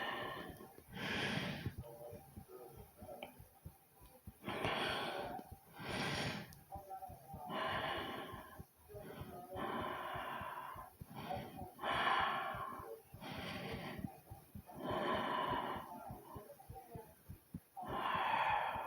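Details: Close, noisy breathing with airy, slightly snorting breaths at about 20 a minute, irregularly spaced, from a self-recording of own heartbeat and breathing.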